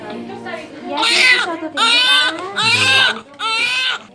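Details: Newborn's first cries right after vaginal delivery, following 27 hours of labour with maternal fever and raised fetal heart rate: high-pitched, tonal cries in four strong bursts separated by brief breaths.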